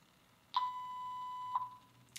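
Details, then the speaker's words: Baxter Sigma Spectrum IV infusion pump, occlusion alarm deliberately triggered by clamping the tubing and pressing run: steady clear tone about a second long, opened and closed by short bursts, warning of blocked tubing. "I want to show you an occlusion alarm so I'm going to clamp my tubing and then I'm going to press run and then you're going to see what the alarms look like on this device."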